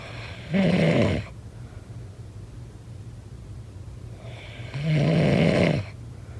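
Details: Snoring: two loud, rough snores on breathing in about four seconds apart, with quiet breathing between; ordinary heavy snoring.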